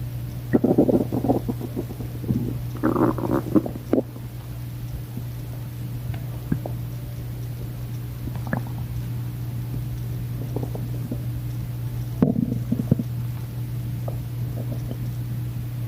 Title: [Bit Hungry] starving stomach noises